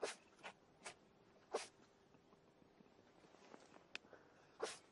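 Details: Small animal named Charlie sneezing on command: several quick, soft nasal snorting sneezes in a row; normal sneezes.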